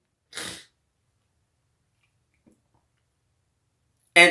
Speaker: a couple of sneezes for you how we see patrick's day in a leprechaun